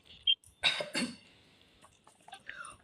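Two short, harsh coughs followed by a soft throat clearing, with brief quiet noise afterward.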